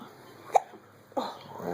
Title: Hiccups